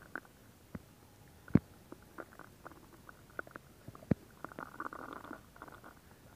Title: Stomach Sound [Stomach Growling][ASMR] [2022-07-14]